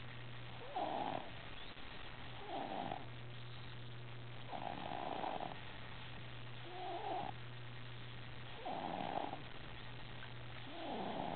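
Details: Child (Kellan) snoring in sleep, regular rough snoring noises on each breath, about 30 a minute, over a steady low background hum.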